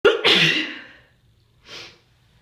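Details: Single explosive sneeze with a sharp catch at the start, then a short breath out; an itchy sneeze during a cold.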